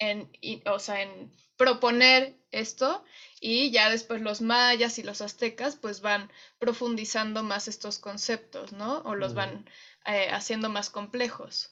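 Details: Adult woman speaking Spanish; normal speech.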